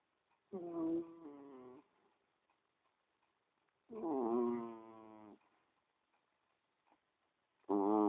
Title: Cheeky cat snoring